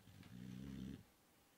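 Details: 6-month-old male bullboxer snoring in sleep: a single low, buzzing snore of about one second, then quiet, while owners try to wake him; ordinary snoring.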